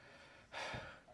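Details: Persistent intractable hiccups since December 2015, about every 1–3 seconds, with breathing and choking spasms and erratic stomach sphincter control; cause undetermined; a single quiet, abrupt, sharp inward catch of breath, a hiccup.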